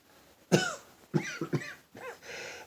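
Several short, sharp coughs and throat-clearing bursts, four or five in quick succession, in a quiet room.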